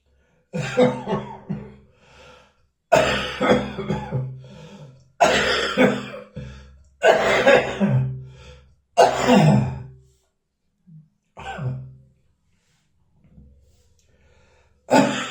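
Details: Repeated harsh coughing fits in clusters during a spring bout of bronchitis: bronchitis cough.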